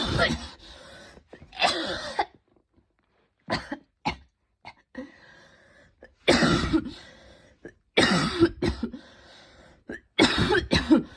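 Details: An evening coughing fit just before bed, more intense than the person's usual coughs, leaving them tired and overheated: repeated loud bursts of harsh coughing in clusters with brief gaps and throat clearing.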